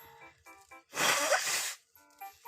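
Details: Korean streamer with a cold, wiping nose afterward: a single forceful, hissing sneeze under a second long, music playing in background.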